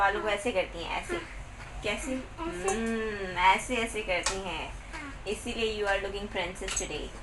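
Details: Adult woman speaking to a child; ordinary speech.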